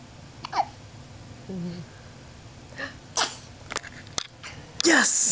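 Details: Baby sneezing: short, sharp small sneezes with soft adult voices around.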